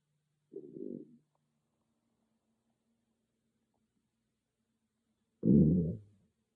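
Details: A loud stomach growling, recorded on an iPhone with no ASMR microphone: two low gurgling rumbles several seconds apart, the second louder and deeper; ordinary bowel sounds (borborygmi).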